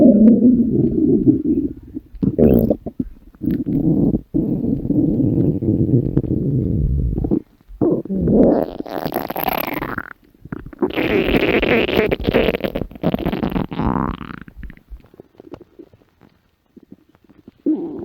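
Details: Loud, long gurgling and rumbling with bubbling rises and pauses from a woman's very empty stomach, over background music; stomach growling (borborygmi).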